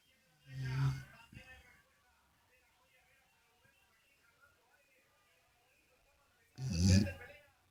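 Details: Pitbull dog snoring while asleep: two deep, rumbling snores about six seconds apart, with quiet breathing between them.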